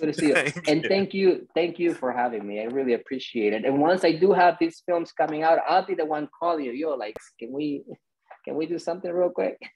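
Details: Adult male speaker; Conversational speech.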